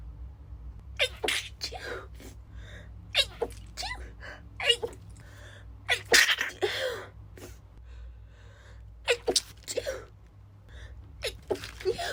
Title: Itchy stifled sneezes (F)